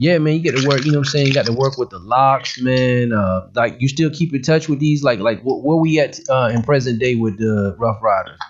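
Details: Adult male speaker; ordinary speech.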